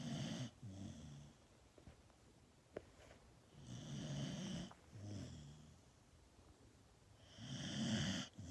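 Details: A sleeping dog makes rough, rattling snores on each breath in, about 16 a minute, with quiet pauses between them: dog snoring.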